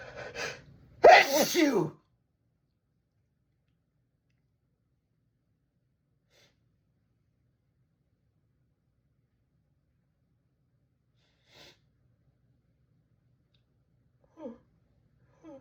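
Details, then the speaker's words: A quick breath-in, then one loud explosive sneeze, followed by long quiet with faint small noises; one of repeated sneezes the person is trying to hold back. "Achoo! I have to sneeze again. I have to sneeze."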